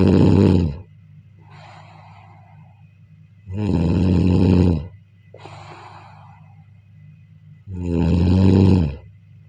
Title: sleep listening to snoring/النوم والاستماع إلى صوت الشخير ، والنوم جيدا ، والاستماع إلى صديق للنوم.